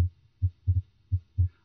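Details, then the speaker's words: Normal heart sounds (S1 and S2) heard with the stethoscope diaphragm at the aortic area, right second interspace beside the sternum. "note the cardiac rate and rhythm normally the rate is 60 to 100 beats per minute and the rhythm is regular"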